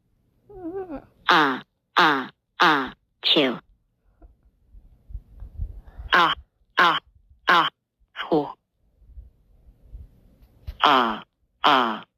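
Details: Cartoon character (Numberblocks) acting out loud, rapid repeated 'a-choo' sneezes with groaning and screaming between them, complaining of a tickly nose; imitated sneezing.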